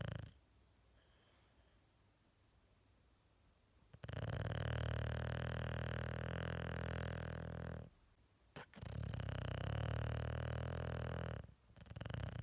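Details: Bulldog napping in a comfy sleeping position, with quiet parts edited out: two long, loud, low rumbling snores with a quiet gap between them. Heavy snoring.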